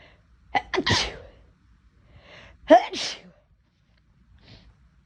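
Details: Two deliberately induced sneezes from a person whose nose felt unusually sensitive and itchy that day, each with a quick catching in-breath and a sharp burst out, in a quiet room.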